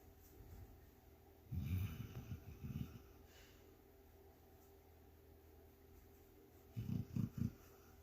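Low snuffling snorts in two brief clusters over quiet room noise, typical of a dog's noisy breathing in sleep.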